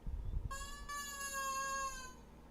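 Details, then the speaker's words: A baby girl lying in a bassinet gives a single drawn-out, high, clear wail that falls slightly in pitch, in a quiet room: infant crying. "There it goes. There goes the baby crying."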